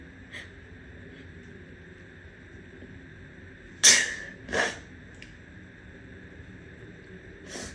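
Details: Sneezing: one sharp explosive sneeze followed by a smaller second burst, faint sniffs and quiet room noise; sneezes heavy enough to soak the shirt and hands.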